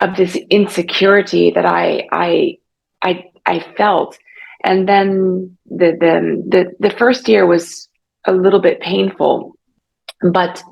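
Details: Adult woman about 3.5 years after a stroke caused by carotid artery dissection, with severe aphasia early on, aphasia persisting and still in speech therapy: aphasia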